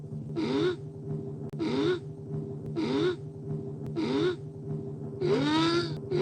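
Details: Dolores's endlessly building sneeze, a proof of concept: five rhythmic voiced gasping inhalations, about fifty a minute, building toward a sneeze that does not come; steady background hum.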